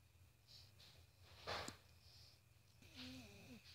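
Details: Pug snoring.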